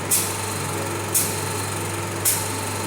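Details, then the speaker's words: Nebulizer compressor switched on to blow-dry a filter just washed under tap water: steady low motor hum with a buzzing whine and three short hissing bursts of air. "Kalau ingin cepat kering, sama juga alat ini bisa dioperasikan. Kemudian ini disemprotkan seperti ini."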